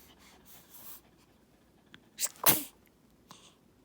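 A quiet room, then a single sharp, snorting sneeze from a small dog, with a faint sniff after it.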